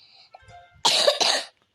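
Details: Two quick harsh coughs over faint game sounds from someone who is unwell with fever, cough and a runny nose (cold).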